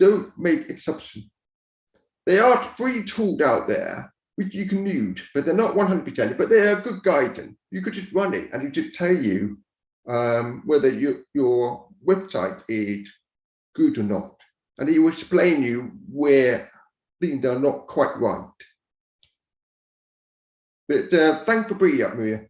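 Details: Speech of an adult man deaf from birth, raised to speak rather than sign, who wore hearing aids for years and now uses a cochlear implant; deaf speech.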